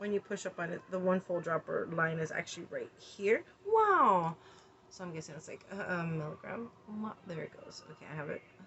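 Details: Repeated involuntary single-word vocal tics while measuring RSO medical marijuana tincture with a dropper, in a person with tics having a tic attack.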